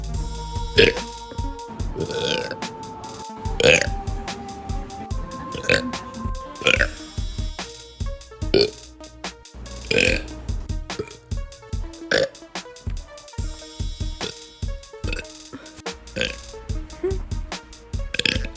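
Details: Adult woman giving several loud, drawn-out burps over background music; belching.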